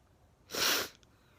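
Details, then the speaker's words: Man who says he is sniffly, with a single sharp, hissing sneeze burst in a quiet room; sneeze. "to see if i sneeze i'll see if does he continue sneezing"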